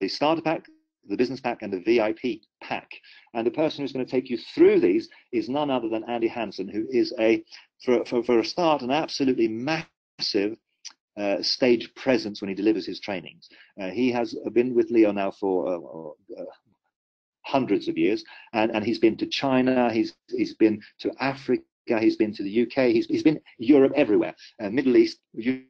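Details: Adult man speaking; normal voice.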